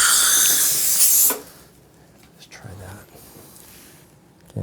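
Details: Bite adjustment of a porcelain restoration's marginal ridge with a diamond bur: loud high hiss and whine of a dental handpiece spraying water, stopping abruptly to a quiet room.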